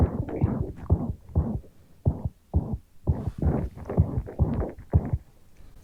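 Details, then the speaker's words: A veterinary pet, dog or cat not specified, has a loud heart murmur, grade 4–5 depending on whether a thrill is present: rapid, repeated whooshing bursts with each beat largely drown out the normal heart sounds. "it's so loud that it's slightly obscuring the the other heart sound so really all we can hear is the murmur so this is a really obvious one that that is is nice and easy for the Vets to hear and would usually be thought of as a grade four or five heart murmur"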